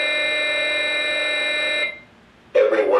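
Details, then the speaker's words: American Red Cross AED trainer with adult pads: steady high electronic charging tone after prompts "analyzing rhythm, shock advised, charging, stand clear," then silence and a voice prompt; simulated, no real shock delivered. "analyzing Rhythm everyone stand clear shock advised charging everyone stand"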